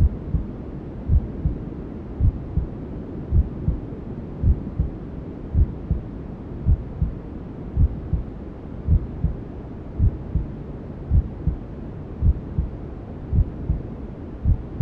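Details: Newborn sleep-aid ASMR: soft, regular low thumps, about 54 a minute, under steady whooshing white noise, a mother's heartbeat as a fetus hears it in the womb; heartbeat, womb sounds.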